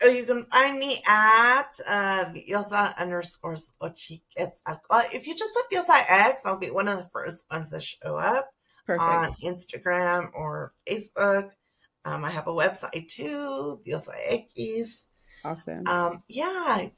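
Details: Adult woman, a public school teacher, with spasmodic dysphonia she attributes to stress, beginning in her first year of teaching and taking two years to diagnose; treated with Botox every three months, now at the end of the cycle; spasmodic dysphonia.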